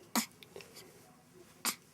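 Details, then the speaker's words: Infant boy with hiccups after a good feeding, awake at bedtime around 10 o'clock, sneezes about twice a day: two sharp, brief sneezes about a second and a half apart in a quiet room. "oh it's a twofer hiccups and sneezes he sneezes about twice a day"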